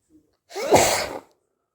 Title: itchy sneezes